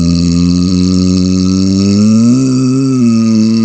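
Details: Person burping right up close to a laptop microphone: a long, loud, deep, sustained belch with a rumbling, wavering pitch lasting several seconds.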